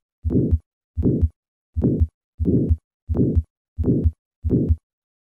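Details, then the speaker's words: Aortic valve sclerosis with thickened, calcified leaflets and only mild gradient: regular heartbeat about 86 a minute with a soft systolic murmur between the heart sounds; aortic sclerosis murmur. "listen once again to a patient with aortic valve sclerosis"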